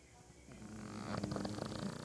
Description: Peke Gentry snoring upside-down and doing a body roll with each snore